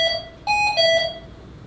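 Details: Short three-tone electronic alarm melody, stepping up then back down in pitch, from a Hamilton T1/C1 ventilator during a non-invasive ventilation mask demonstration in emergency medicine training.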